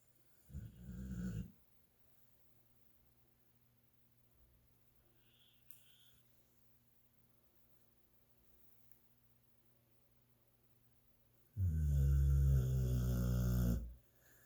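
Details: Man snoring: two deep, rattling snores separated by a long quiet pause, the second loud and about two seconds long; snoring.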